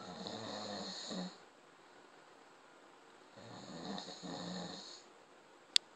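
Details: Two soft, rumbling snore-like breaths about four seconds apart in a quiet room, fitting snoring.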